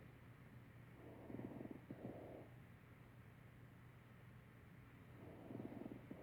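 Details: Simulated lung sounds of community-acquired pneumonia played on a mannequin.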